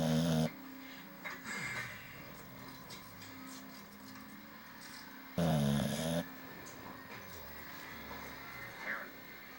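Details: English bulldog gives two loud, rumbling snorts about five seconds apart with quiet breathing between them: dog snoring.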